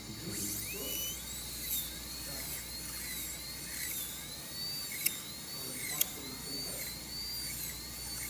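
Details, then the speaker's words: Class V (cervical caries) cavity preparation with a high-speed dental handpiece: a quiet high-pitched drill whine rising and dipping with cutting pressure as three punch holes are connected, keeping the cavity's curved outline. "now I have a three punch holes and I will try to connect those but keeping in mind the overall shape of the cavity it's very important do not distort the cavity"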